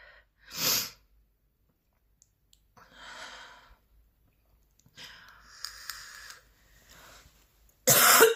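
Two sharp, forceful coughs with harsh strained breathing sounds between them, part of a persistent coughing fit.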